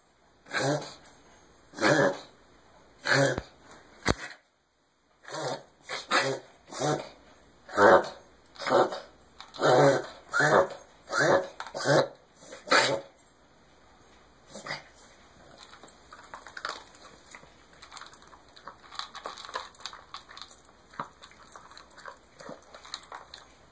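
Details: Dog having a reverse sneeze: about a dozen loud, rhythmic snorting inhalations in a row.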